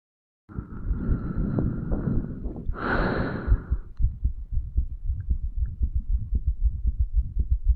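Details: 35-year-old male's own heartbeat recorded over the tricuspid valve area, lower than usual to hear more heart muscle pumping; breathy rustling, then regular low thumps, recorded after medical marijuana and nicotine use.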